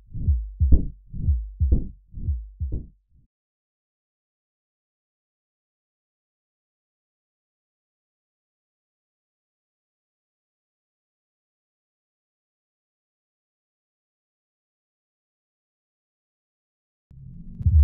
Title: Mitral Stenosis - sound & animation